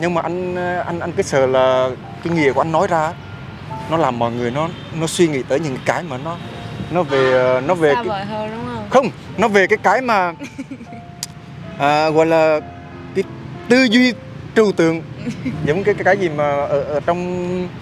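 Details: Young man acting as a stutterer in a prank, singing with repeated sounds and syllables: stuttering (acted).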